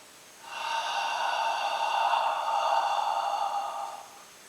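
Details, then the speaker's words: One long, gentle, steady exhalation of about three and a half seconds, breathing all the way out after an inhale and hold, demonstrated by a respiratory physiotherapist as autogenic drainage for chest clearance of phlegm. "-rate until more more air comes out or until you feel a crackle like this hit you sniffing hold two three all the way out"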